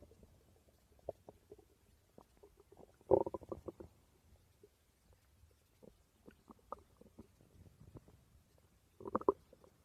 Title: My stomach growling ❤️